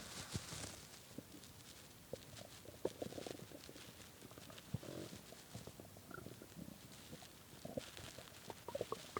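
Irregular gurgling and rumbling from the belly with brief squeaky bursts; hunger stomach growling, normal bowel sounds from an empty gut.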